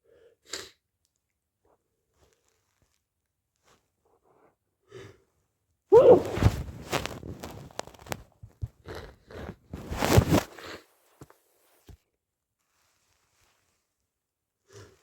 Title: stuffy/congested cold sneezes